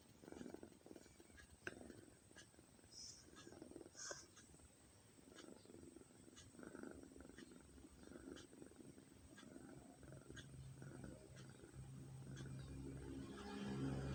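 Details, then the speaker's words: Soft, rhythmic snoring breaths from a cat sleeping on a prayer mat, quiet and steady against faint room noise. "Hari ini kita akan mendengarkan suara asli saat kucing bernapas ya teman-teman. Ini kucing sedang tidur di atas sejadah."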